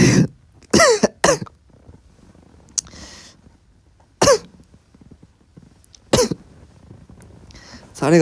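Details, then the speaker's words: Person coughing after something went down the wrong way: about six harsh, partly voiced coughs in spaced bursts with quiet breathing between, aspiration cough. "사례가 사례 들렸어."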